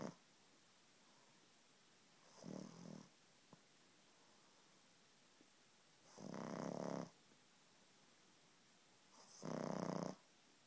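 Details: 6-month-old pug snoring, said to sound like a person: three rough, buzzing snores three to four seconds apart, each with a faint high whistle, in a quiet room.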